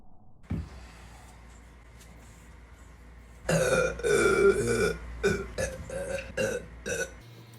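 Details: A pug dog burping: after a faint knock, a long deep belch follows, then several shorter croaking burps in a row.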